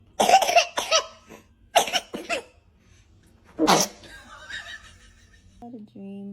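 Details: Baby sneezes: several short, high-pitched bursts, one a sharp sneeze, mixed with a little infant voicing and a tone at the end.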